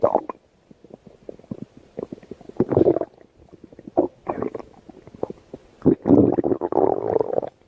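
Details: Irregular gurgling, bubbling and rumbling bursts with brief quiet gaps, building to longer rolling gurgles: a baby's stomach growling, ordinary bowel sounds (borborygmi).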